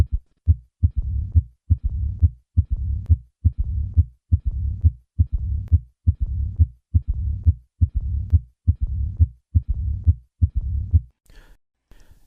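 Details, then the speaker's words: Austin Flint murmur of aortic regurgitation, from early mitral valve closure: normal sounds, then an added third heart sound, then a low diastolic rumble. Regular rate near 69/min; first heart sound normal or diminished. "Listen to an Austin Flint murmur. I will begin with normal sounds, then add the third sound, and finally the Austin Flint murmur."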